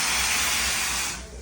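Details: Dental high-volume suction running during a dental assisting demonstration of suctioning and retraction: loud steady hiss, then fading.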